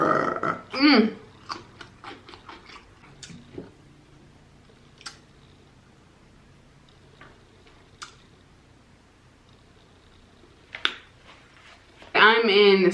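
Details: Adult burping repeatedly while eating in a mukbang video: loud croaking belches at start and end, with eating and mouth sounds between.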